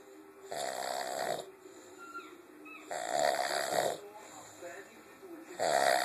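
Loud rasping snores about a second long, three in six seconds, with quieter breathing sounds between them; snoring in a sleeping gorilla.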